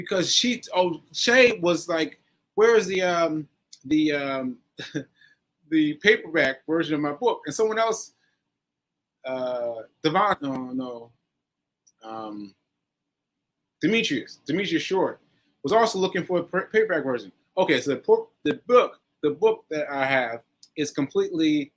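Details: Aphasia (word-finding difficulty) in a male stroke survivor, nearly a year after a stroke on 7/14/22 (recorded 7/4/23); he is still recovering and says his aphasia makes some everyday tasks harder.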